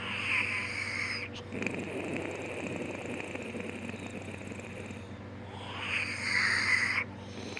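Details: Boyfriend snoring after surgery: loud, rasping snores with a high, whistling, moaning zombie-like tone on the breaths.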